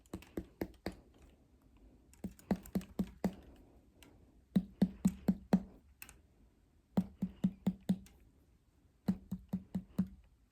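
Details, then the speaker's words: Abdominal percussion during a head-to-toe exam: groups of finger taps starting in the right lower quadrant and moving up to find the liver border, where tympany changes to dullness. "And now we're going to assess that liver border. Again, starting in the right lower quadrant. And as we get closer to the liver, we want to hear dullness."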